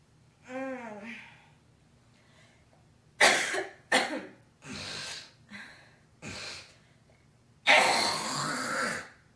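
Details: Girl with productive cough: several harsh, wet coughs and forceful throat-clearing hawks bringing up phlegm, with a brief voiced sound at the start.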